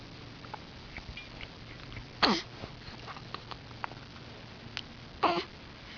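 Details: Hiccups: two sharp, brief gulping bursts about three seconds apart over faint room noise.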